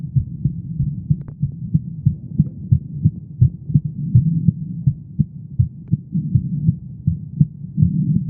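Steady low thumping heartbeat with a soft hum underneath, fairly quick, in an ordinary rhythm.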